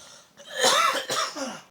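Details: Father coughing: a single harsh adult cough burst with a short follow-on, close to throat clearing.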